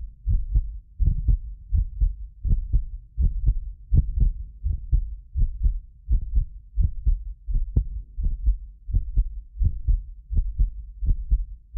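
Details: Real heartbeat of a medically fit person recorded with multiple precision contact microphones: regular low thumping at about 83 a minute, some beats doubled by a ~6 ms inter-microphone delay, not heart disease; normal heart sounds.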